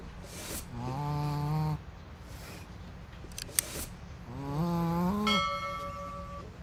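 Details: Dog sleeping soundly and snoring: two tonal, whistling snores with rising pitch, with a few clicks between them.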